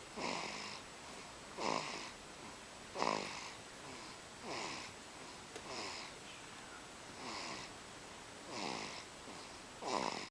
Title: Baby Snoring - there is something peacefull about this